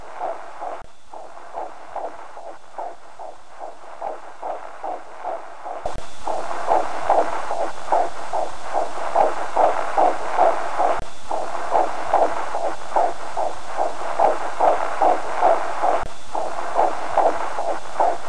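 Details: Fetal Doppler recording: rapid, regular whooshing pulses, about 146 a minute, typical of a normal fetal heartbeat; fetal heartbeat on Doppler.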